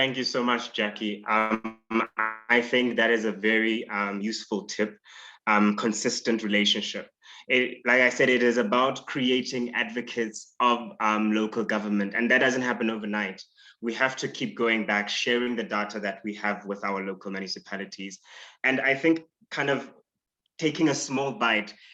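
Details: Adult speaker; normal speech.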